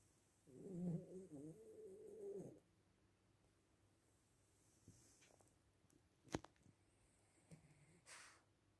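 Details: Cat in deep rest at 10 a.m.: one rough, rumbling snore, then quiet with a few faint clicks and rustles.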